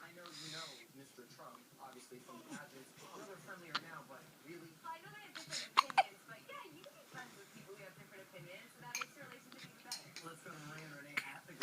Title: Baby Hiccups